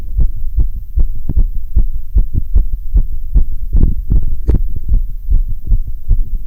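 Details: Rapid, regular heartbeats at about 150 a minute on auscultation after exercise on a rowing ergometer: severe sinus tachycardia.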